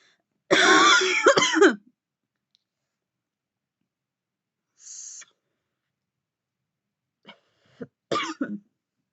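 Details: Woman coughing heavily after deep puffs on a vape: a harsh burst of coughing, a faint exhale, then several short dry coughs, an irritant cough.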